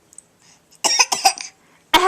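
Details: Young child gives a deliberate fake cough, a short run of light, breathy bursts, recorded February 5, 2013 on a Flip Video camcorder.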